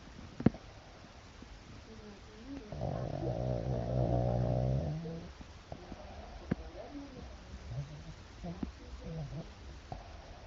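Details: A female dog snoring in the dark: a few seconds of loud, low, rattling snore on one breath, with quieter snuffling breaths around it; ordinary snoring.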